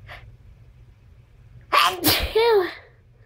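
A single forceful sneeze with a sharp inhaled build-up and explosive burst, followed by a brief vocal sound after it.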